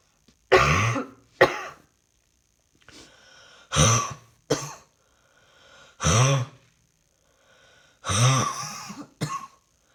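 Six harsh, voiced cough bursts, some in quick pairs, with quiet gaps between. Repeated coughing in a quiet room.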